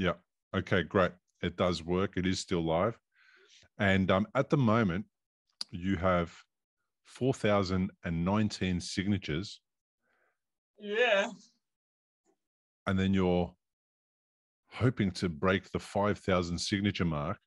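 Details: Adult male speaker; typical speech.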